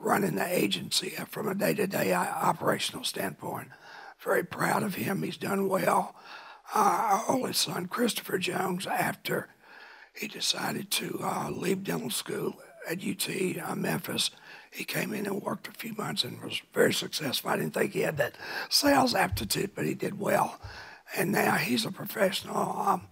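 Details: Adult man with a voice change after cancer, which he first thought was a thyroid problem; kept secret for years, now cancer-free; dysphonia after thyroid cancer.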